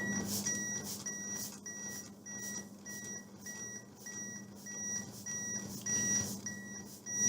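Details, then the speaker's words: Hands-only CPR demonstration on an adult mannequin: after an AED-delivered shock, the AED gives steady, evenly spaced metronome beeps at about 104 a minute to pace chest compressions, over faint room noise. "Begin CPR. Now it's going to beep. That's the rhythm you want to be at. So I'm back on the chest."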